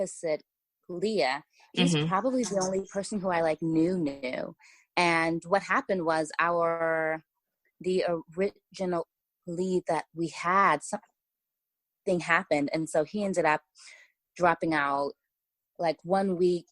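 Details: Stuttering in an adult woman writer from Los Angeles who says she has a stutter that listeners may hear.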